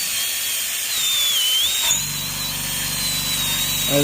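A high-pitched, steady whine from a high-speed dental drill during tooth preparation, with a lower buzzing hum underneath.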